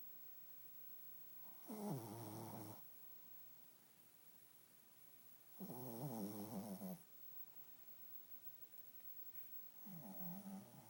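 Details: 11-year-old dog snoring while asleep: soft, fluttering snores, about 14 per minute, with quiet pauses and a hiss mixed in.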